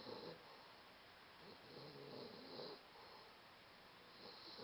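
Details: 16½-week-old napping and snoring: soft, rhythmic rasping breaths over room hiss, each under a second, three or four cycles heard. Ordinary snoring.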